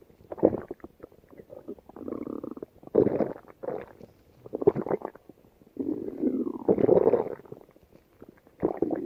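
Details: Female stomach growling (borborygmi): long gurgling, bubbling rumbles rising and falling in bursts, from gas and fluid moving through the gut.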